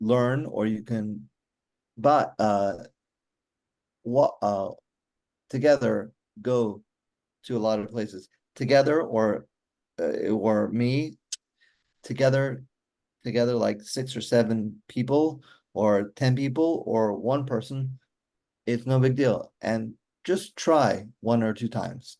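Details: Adult male stroke survivor with aphasia since a stroke during mitral valve surgery for hereditary mitral valve prolapse in 2007, recorded July 2024, real patient who says communicating is still hard; aphasia.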